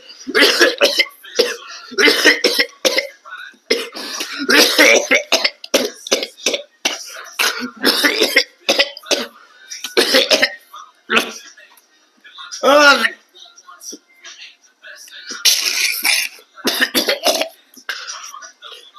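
An adult coughs in repeated harsh bursts, with a brief voiced, strained sound midway through.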